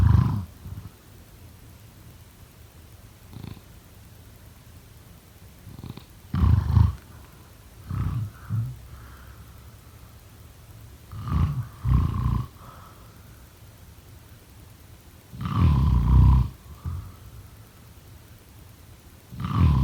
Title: #snoring #sleepnoises #snoringasmr #snoresolution #snoringsleepingsoundeffect